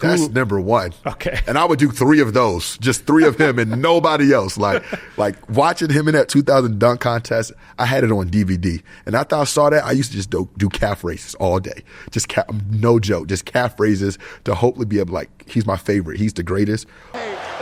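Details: Adult male basketball player who says he still stutters sometimes when he talks and dislikes public speaking; mild word and part-word repetitions audible; stuttering.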